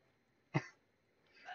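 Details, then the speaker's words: Single short, dry cough from an adult during a gaming stream, followed by a faint rising background sound. "was that you or me that made that noise which noise the cough yes yeah yeah that was on my end"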